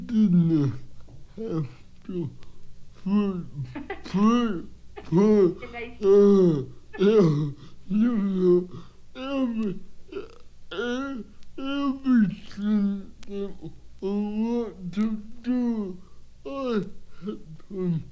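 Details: Adult man born 1942 with cerebral palsy, speaking in his own voice, which most people find very hard to understand; dysarthria (cerebral palsy).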